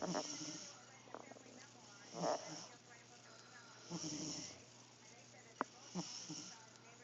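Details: Sleeping cat gives soft, irregular snoring breaths with faint room noise: snoring.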